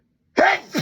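One sudden, sharp, forceful sneeze after silence, followed by a short voiced exhale.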